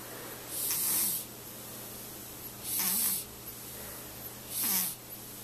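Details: Newborn baby girl, sleeping: three soft, snuffly snoring breaths about two seconds apart, roughly 30 a minute; gentle newborn snoring, normal.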